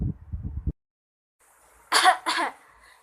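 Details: Simulated throat clearing in a cough and sneeze etiquette tutorial by an 11th-grade student: a low rumbling throat noise followed by two sharp cough-like bursts.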